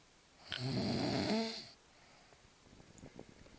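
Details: One loud, rattling snore on breathing in, about a second long, likened to a volcanic eruption, followed by quiet room noise: snoring.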